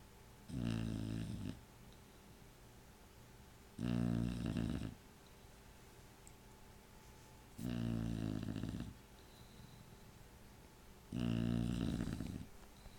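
Loud, rattling snores at regular intervals, about 17 breaths a minute, with quiet pauses between them.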